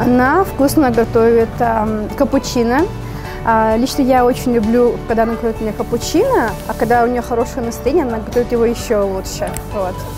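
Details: Adult woman speaking Russian; ordinary speech.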